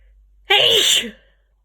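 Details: Single sharp, explosive allergy sneeze with a hissing burst of air in a quiet room, one of a run of uncontrollable sneezes.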